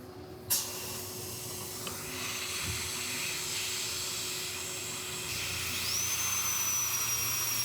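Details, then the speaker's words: Crown preparation under a dental microscope on an endodontically treated upper left first molar with a mesial crack: quiet room hiss, then a high-speed dental handpiece whines up and holds steady, starting the lingual reduction. "Okay, so again, a lot of this is just side-to-side movement and then changing the position of the mirror that gives you the full view of that upper molar. So let's do the lingual now."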